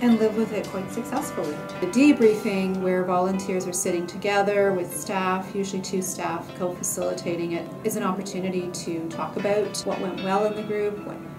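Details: Adult woman speaking; normal speech.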